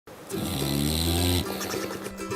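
One long, loud, rasping snore with a deep buzzing tone, followed by a brief noise, played in an advertisement.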